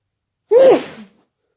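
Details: Late-night sneeze that came out of nowhere, which the person tried to muffle: one short, clipped, voiced burst with rising then falling pitch.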